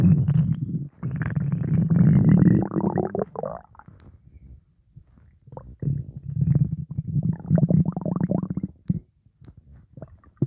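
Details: Loud low gurgling and rumbling from the belly, a long rising gurgle and quieter bubbling bursts; gas after eating pizza; borborygmi (stomach rumbling).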